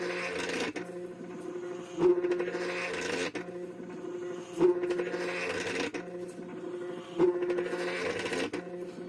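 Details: DIY low-cost Arduino emergency ventilator for COVID-19, a stepper motor squeezing a manual bag-valve-mask bag: regular mechanical rasping and motor whirring cycles, about 23 per minute, delivering breaths.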